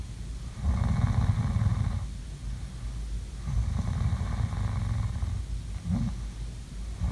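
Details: Sleeping snoring sounds: low, rumbling breathing noise in slow cycles, quieter between breaths; soft snoring.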